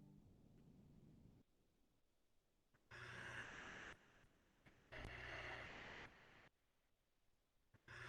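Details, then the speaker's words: Slow, deep imitated breaths with long pauses, demonstrating bradypnea, an abnormally slow breathing rate linked to obesity and alcoholism, for step one exam study; simulated. "next we have bright apnea which is the low frequency breathing pattern that we see in obesity and alcoholism"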